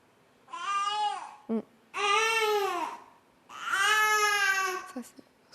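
Infant cries in three drawn-out, rhythmic wails with brief in-breaths between, a normal tired, sleepy cry.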